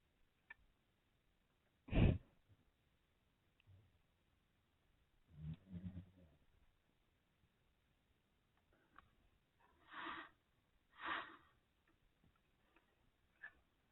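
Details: Awake dog in a quiet room making a few soft snorts and one rumbling, snore-like breath; snoring-like breathing while awake.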